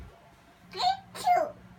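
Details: Young child making two short voiced bursts, a playful fake sneeze imitation rather than true sneezing.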